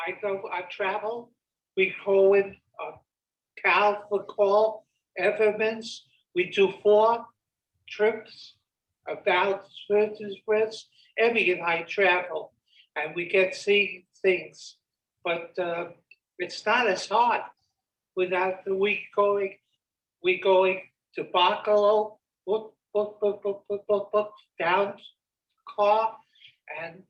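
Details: Wernicke's aphasia in an adult man: fluent-sounding flowing words and sentences, but much of the content makes no sense, and he likely believes he is making sense.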